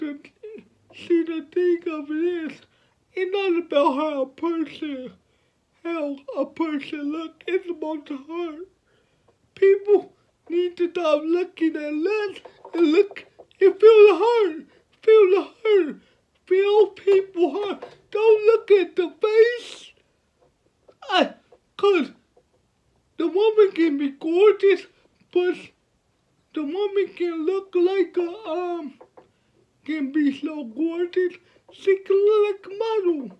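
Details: 29-year-old man with cerebral palsy from birth, born at five months (premature), speaking about his own life; dysarthria in cerebral palsy.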